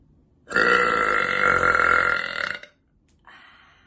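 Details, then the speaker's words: One long, loud, sustained voiced burp lasting about two seconds, then quiet; a woman releasing a deliberate loud burp. "All right, let's get that out. Okay. Short, loud, and powerful."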